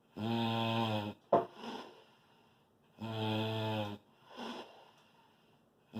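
Loud, low, rattling snores on each breath in, with quieter airy breaths out between them, about two cycles in six seconds.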